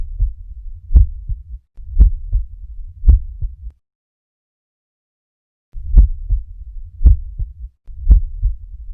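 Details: Normal heart sounds recorded at the apex: regular low lub-dub at about 56 beats a minute; normal heart sounds.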